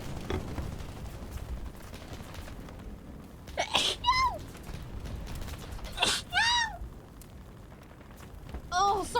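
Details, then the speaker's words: Adult sneezing during a live stream, self-described as sounding like a demented squirrel: several brief, squeaky, high-pitched sneeze bursts over quiet room noise. "sorry for the sneeze."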